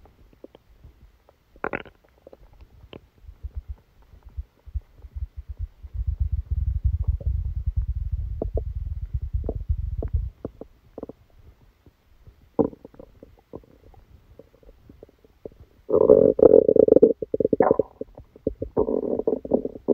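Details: Bowel sounds recorded while sleeping with a stomachache after Christmas dinner: bursts of low rumbling and gurgling with scattered clicks and quiet gaps, active bowel sounds.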